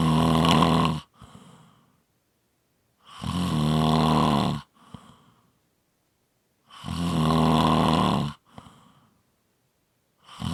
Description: Tuesday's are short snoring clips. Friday's are longer audio's.